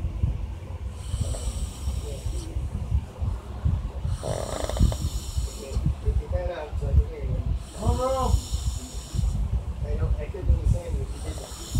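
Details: Man who says he doesn't snore, recorded asleep: loud, rough snores with snorting on the in-breaths, repeating with each breath over steady low room noise; snoring.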